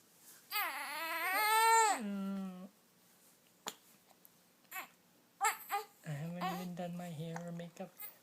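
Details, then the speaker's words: Whiny crying from a baby girl, broken by abrupt short hiccup catches that interrupt the cry; her mother says the hiccups mean gas: infant cry interrupted by hiccups. "makeup crying interrupted by hiccups poor baby can't even cry properly because you got the hiccups"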